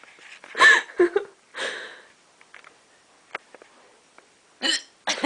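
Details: Several abrupt voiced gulping hiccups from someone at bedtime, separated by short pauses, amid faint room sounds and laughter; hiccups.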